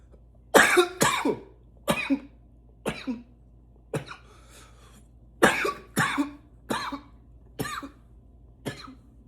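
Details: Intense repeated coughing: about ten forceful, harsh cough bursts in two runs, some doubled.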